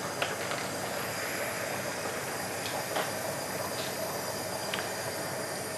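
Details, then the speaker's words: Steady high-pitched hiss with faint clicks: oxygen set at 10 L/min flowing into a non-rebreather reservoir mask delivering up to 100% oxygen, before the mask is placed on a female patient and reservoir inflation checked. "le ventimasque à réserve est un ventimasque qui permet d'administrer jusqu'à 100 % d'oxygène ce ventimasque est munit d'un réservoir et que on l'utilise on va régler notre débit d'oxygène à 10 L"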